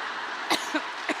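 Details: Adult woman giving a speech has three short, light coughs over steady room noise, then takes a cough drop and water: cough.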